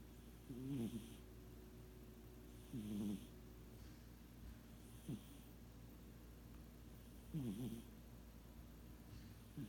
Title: Sugar Cat Snoring